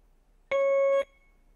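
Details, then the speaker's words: BD Alaris 8110 syringe pump "check syringe" alarm, triggered in a demonstration with the barrel clamp not in place: a single steady electronic beep of about half a second with a red light. "Okay, it's beeping red because it's an alarm. It's troubleshooting, saying check your syringe."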